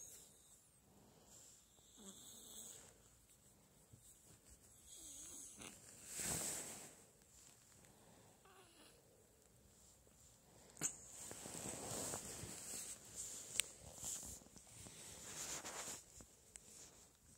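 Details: A sleeping cat snoring while its brother cat washes it: soft, irregular snoring breaths mixed with licking and grooming noises; ordinary snoring.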